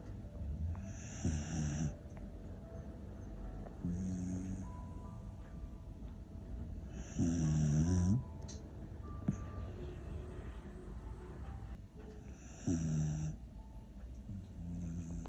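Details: Sleeping puppy snoring with rhythmic low rumbling snores on each breath, about five in fifteen seconds, with faint music in the background.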